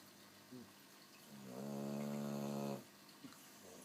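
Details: Sleeping Boxer dog: one drawn-out, buzzing snore lasting over a second, with soft snuffles before and after; snoring.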